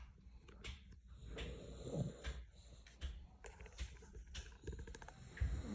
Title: loudest snoring dog in the world😂🫣🥴😂#trending #viral #shortvideo #love #subscribe #thankyou #fyp